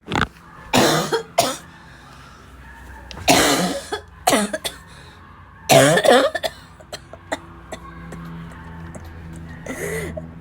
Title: really bad barking cough fit